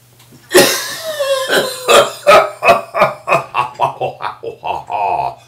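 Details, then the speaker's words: Coughing from an adult with "cabin cough" acquired on a cruise ship, flu-like illness without aches, coughing and spluttering for many days. "thank you I guess I want to leave you with an example of the cough"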